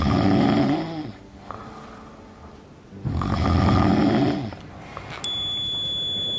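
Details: Adult snoring demo of an anti-snoring waist belt that forces side-sleeping, with a circuit that sounds an alarm only for loud snoring: two loud, rough snores with a pause, then the device's steady electronic beep.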